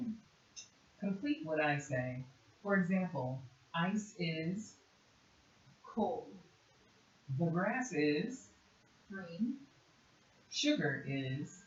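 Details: Adult speaker; Normal speech.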